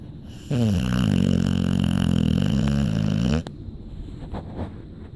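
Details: American bulldog snoring while asleep: one long, loud, rattling snore lasting about three seconds, then quieter breathing and small rustles.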